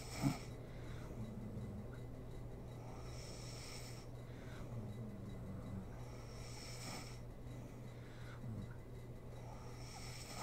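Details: Sleeping mother snoring: low, steady rumbling snores with faint breathy noise at each breath, under a constant room hum.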